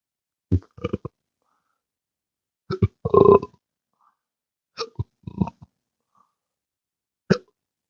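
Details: Adult with intractable hiccups since December 2015 after surgery with nerve damage (pudendal nerve injection, phrenic and vagus nerves affected): repeated abrupt hiccup catches mixed with low throaty belches in clusters; ongoing hiccups with belching.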